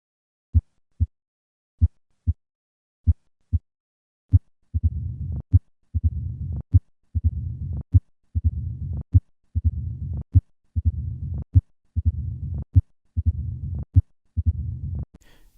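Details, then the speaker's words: Simulated heart at about 48 beats a minute with a low diastolic rumbling murmur, increased first heart sound and loud opening snap, typical of mitral stenosis; mitral stenosis murmur. "This diastolic rumbling murmur is typical for mitro stenosis. Notice the increased S1 and loud opening snap that accompany this murmur."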